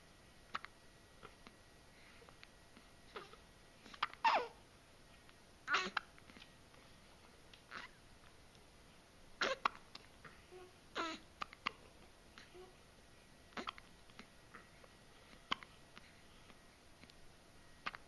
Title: Hiccups